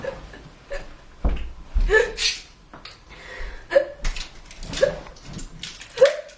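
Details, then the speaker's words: Person with hiccups trying cures (sucking a lemon, drinking water upside down, spinning, controlled breathing): brief, abrupt catching sounds recurring every second or so among talk and room noise; hiccups. "oise comes from our breath being cut off by the glotus shutting glotus is the opening between the vocal cords there are many cures to hiccups and I will be testing some of them out"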